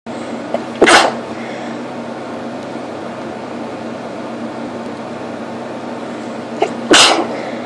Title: Photic sneezes 2